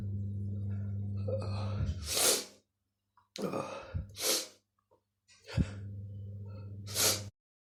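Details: A sneezing fit of three sneezes in quick succession, each with a short indrawn breath before the burst, over a steady low hum.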